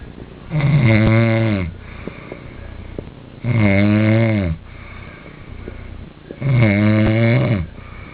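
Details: Person asleep, recorded by someone else: loud, regular, rattling snores on each in-breath, about three in eight seconds, with quiet breathing between; snoring.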